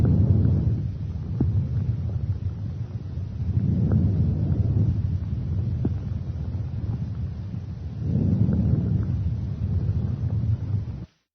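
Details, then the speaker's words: Normal vesicular breath sounds over peripheral lung fields from the clavicles to T9: soft, low-pitched rustling, longer on inspiration than expiration, at about 15 breaths a minute, without adventitious sounds. "over peripheral lung fields from the clavicles to T9 you should hear vascular sounds they are soft low pitched rustling sounds that are longer on inspiration than expiration they sound like"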